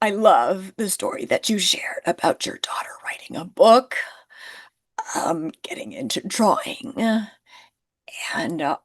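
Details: Woman who identifies with the spasmodic dysphonia community and finds phone calls challenging; spasmodic dysphonia.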